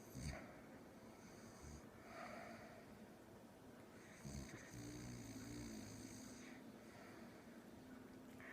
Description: While watching tv tonight, I caught my mom snoring.